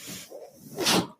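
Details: Soft airy hiss swelling into a brief louder rush of air: the speaker's own mechanical ventilator delivering a breath, which he points out while talking in a podcast recording.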